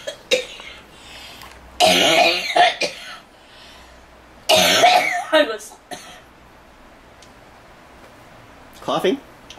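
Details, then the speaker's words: Ill adult woman, triggered by laughing, has several harsh, forceful coughing bouts separated by pauses; she reports pounding head, nausea, body aches, trouble breathing and wheezing. "Laughing. Oh, don't do that. And it made me cough."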